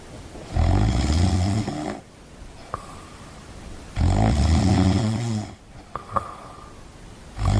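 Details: Deep, loud snoring on each breath in, separated by quieter breaths out, with a few small clicks, from a cat; snoring.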